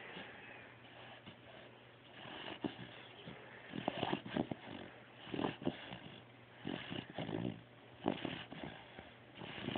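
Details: Soft, rough snorting snores with short irregular bursts and snuffles over a low room hum: a sleeper's ordinary snoring.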